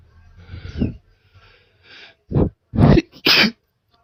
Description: i just sniffed some chhinkni powder and these came out haha, enjoy!